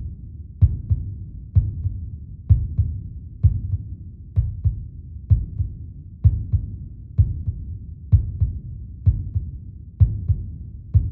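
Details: Steady, regular heartbeat sound used for meditation: paired low lub-dub thumps at about 64 beats a minute over a soft low hum; a normal heart rhythm.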